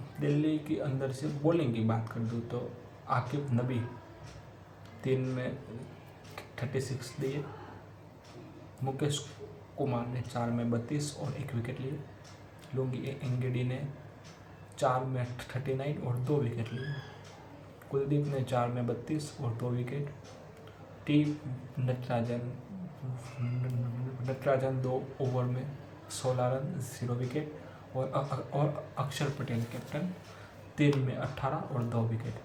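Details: Adult man who stammers, doing daily stammering-control practice for about three months, reading Hindi tongue twisters as a fluency exercise; stuttering.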